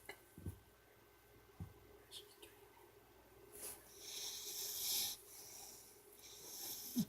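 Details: Sleeping female pit bull puppy snoring: brief snorts and rough, hissing snoring breaths in a quiet room.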